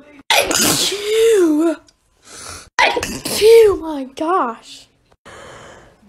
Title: sneezing compilation 7